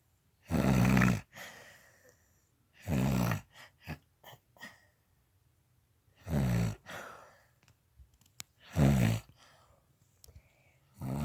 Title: My mom is snoring like a pig